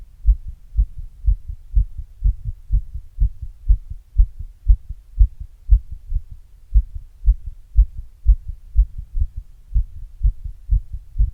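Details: Own heart after exercise, recorded with an earbud microphone and a glass: normal heart sounds.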